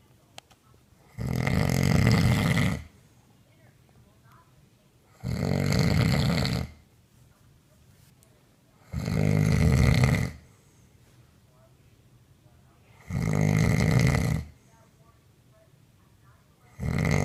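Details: Woman snoring in sleep, recorded on a mobile phone by her partner: loud, rough, rattling snores on each breath in, about every four seconds or roughly 15 a minute; heavy snoring.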